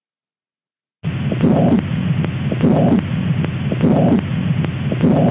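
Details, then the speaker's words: Stethoscope at the mitral area, as with a large VSD accompanied by mitral regurgitation: regular cycles about 50 a minute with a steady blowing murmur filling systole: pansystolic murmur of mitral regurgitation. "kemudian kalau di area mitral kita e bisaan sistolik sama seperti vsd cuman lokasinya aja berbeda misalkan pada vsd besar gitu Itu juga disertai dengan mitral regrugitasi nah kedengaranlah suara ini"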